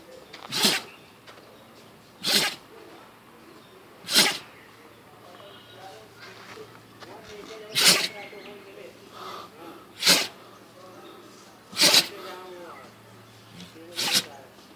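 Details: Dog sneezing attack, said to sneeze at least 200 times a day: seven sharp explosive sneezes at regular intervals over about 15 seconds, quiet snuffling between; repeated sneezing.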